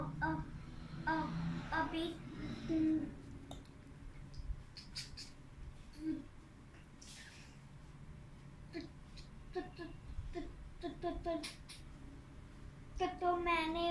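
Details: Child, class 6 student, with stammering, speaking on day 1 before any speech therapy: stuttering.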